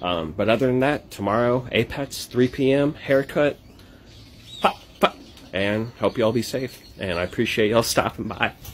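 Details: Adult male comedian from Texas with Tourette syndrome who makes tic noises; vocal tics (Tourette syndrome).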